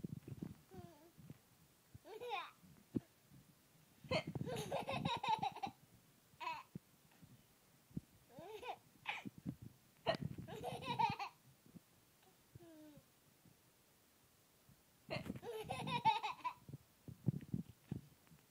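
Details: Mother's hiccups: several brief, abrupt hiccup sounds, each followed by bursts of laughter from her infant, who is sick with cellulitis, in a quiet room.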